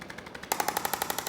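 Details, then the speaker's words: Handheld percussive adjusting instrument applied with the patient seated during chiropractic treatment for years of back pain and sciatica: rapid, even mechanical tapping, about twelve pulses a second. "now I'm to do the instrument I usually do the instrument standing but I think for you I want to do it sitting"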